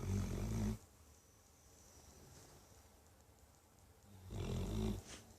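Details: Dog snoring in sleep like an old man: two loud, low rumbling snores separated by a quiet pause, deep and throaty like a person's snoring.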